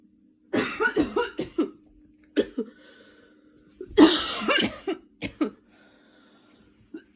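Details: Person still sick with a cold, recent fever, inhaler user: two fits of harsh, rapid repeated coughs, about a dozen in all, over a steady background hum; cough with a common cold.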